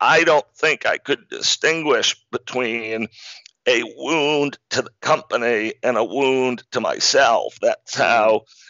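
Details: Man diagnosed in 2012 with spasmodic dysphonia, a rare neurological speaking disorder causing partial voice loss and communication difficulty, still audible; real speech showing spasmodic dysphonia.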